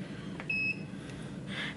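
A single short steady electronic beep over quiet room noise as the cardiac output monitor powers on.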